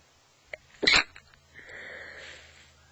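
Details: Adult with a cold, nose fully blocked on waking, sneezing in bed; stifling is not deliberate but from congestion: a short wet, stifled burst, then a soft breathy exhale.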